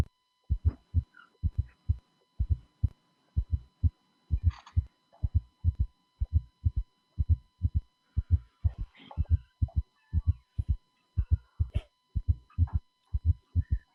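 Low heart sounds in clusters of three to four per beat, a galloping rhythm; quadruple gallop with both third and fourth heart sounds, with faint background noise.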